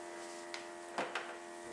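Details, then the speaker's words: Steady pump motor hum with soft clicks as a Riester RVS 100 vital signs monitor's NIBP cuff inflates on an adult's arm; automatic blood pressure reading takes about 30 seconds. "will take about 30 seconds to do a reading, and the results will show in the orange section of the screen."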